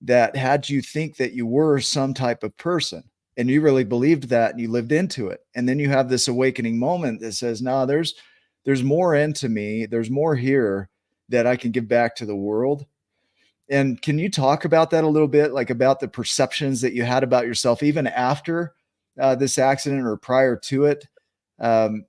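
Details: Adult male speaker; normal speech.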